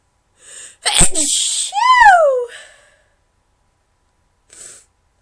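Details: Induced sneeze: a quick in-breath, then a forceful sneeze ending in a high-pitched, falling "choo" squeal, followed by a short sniff.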